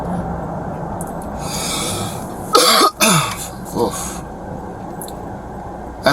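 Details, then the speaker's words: Adult man with a cough for two or three days, following a bad cold: two harsh, forceful coughs, then a smaller follow-up cough, over a steady vehicle engine hum. "please forgive my cough I've been trying to get rid of it for the past like two or three days"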